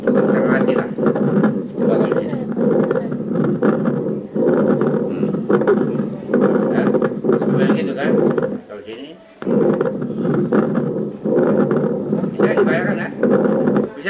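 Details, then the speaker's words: Fine crackles (fine wet rales) on lung auscultation in a medical lab skills demonstration, contrasted with coarse crackles. "Oke, ronggi basah. Ronggi basah ada dua, ronggi basah kasar dan ronggi basah halus."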